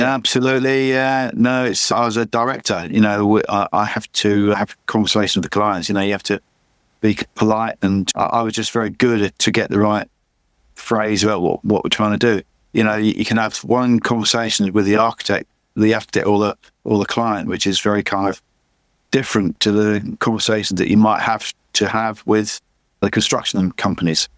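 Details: Adult male with chronic aphasia after a massive stroke about 11 years earlier; still unable to read or write, and he says his speech is not great; repetitions heard; aphasia.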